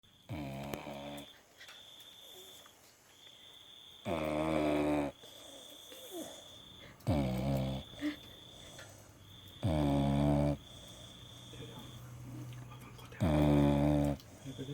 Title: Beagle snore